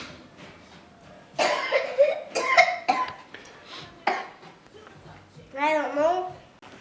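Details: Child with a cold in a family where everyone is sick: a few short, loose, mild coughs in a small room with voices around.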